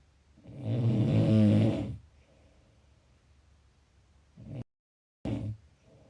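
A single loud, rattling low breath sound, followed by quieter short breath noises, fitting a snore.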